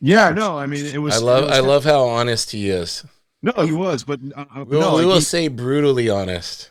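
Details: Adult male speaker; normal conversational speech.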